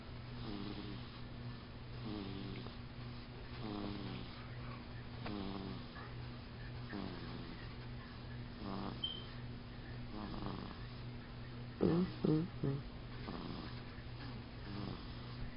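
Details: Rhythmic snoring, about one breath every one and a half seconds, loud for an infant, from a baby sound asleep next to the filmer, over a low steady hum; snoring.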